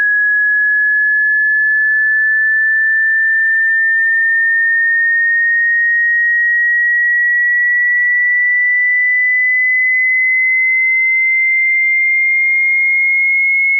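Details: Hearing test tone: a single steady pure tone slowly rising in pitch over about fourteen seconds, a frequency sweep for checking hearing across frequencies.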